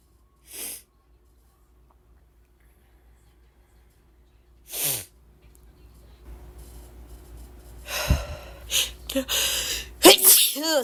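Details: Woman with ragweed allergies in a rapid sneezing fit: several sharp, explosive sneezes in a row with breathy intakes between them.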